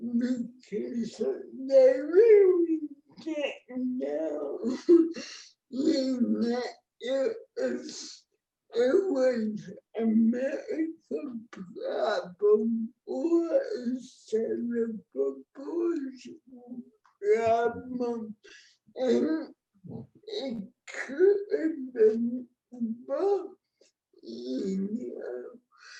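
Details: Adult woman with cerebral palsy, born before the ADA; no speech disorder is named explicitly.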